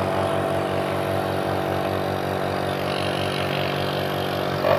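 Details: Nebulizer compressor with a low-pressure problem, running during home repair and pressure testing; a steady loud motor hum and buzz running continuously.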